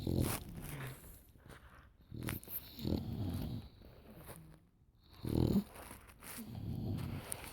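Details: Sleeping animals snoring in tandem: low, rumbling breathing sounds of uneven strength with soft snorting vibrations on the breaths.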